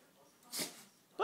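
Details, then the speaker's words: Dog that has been sneezing repeatedly for a long time; owner considers Benadryl. A single sharp, hissing burst of air, then a voice begins; sneezing. "why are you sneezing baby we've been sneezing so long you okay are you okay huh what's the matter my goodness that's a lot of snaisin bless you"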